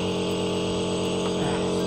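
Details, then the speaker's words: Nebulizer compressor switched on to check that it works, with about 6 ml of liquid in the cup, prescribed for shortness of breath: steady mechanical hum with a low buzzing drone. "Oke setelah itu baru kita tutup dan kita Nyalakan dulu alatnya untuk memastikan alatnya itu berfungsi"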